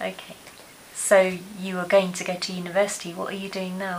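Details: Adult woman speaking; no speech disorder.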